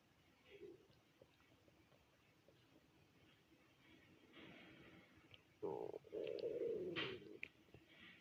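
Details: Empty stomach after not eating all day since the previous dinner: a quiet room, then a loud gurgling rumble lasting about two seconds; hunger stomach growling.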